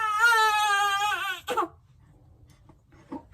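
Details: Single sustained tonal cry with a catch at the end, then quiet fussing, from a newborn girl born at 38 weeks who had just fed and was held on her mother's shoulder; an ordinary infant cry.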